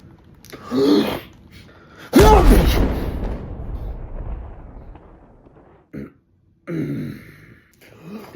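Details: Adult man (a dad) sneezing in a comedy short: a loud, explosive, exaggerated sneeze with a drawn-out booming release, followed by shorter vocal bursts.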